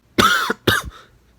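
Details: Two harsh coughs in quick succession from a sick person who has been ill and falling asleep early.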